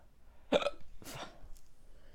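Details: Persistent hiccups after eating an extremely hot pepper in an awareness challenge: abrupt, jerky hiccups, about two within two seconds, with faint room noise.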